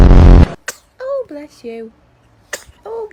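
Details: Baby sneezes once: a sudden, loud, noisy burst of air, then soft baby voice sounds. Sneeze.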